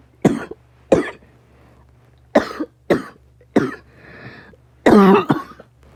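Six sharp, forceful coughs at irregular intervals, some followed by a brief breath or throaty sound.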